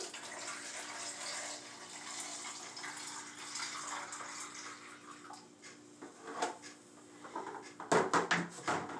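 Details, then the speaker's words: Steady splashing as urine is poured from a bedpan into a graduated measuring container, then clinks and handling; a nursing assistant skill demonstration of measuring urine output, which reads 650 ml. "make sure you are comfortable holding the bed pan otherwise it's gonna spill you do not wanna spill anything so i'm gonna pour it"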